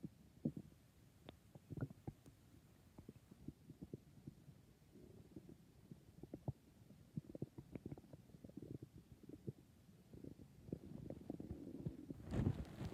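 Soft, irregular gurgling and popping from the belly with a louder rumble near the end; ordinary stomach growling from gas and fluid moving.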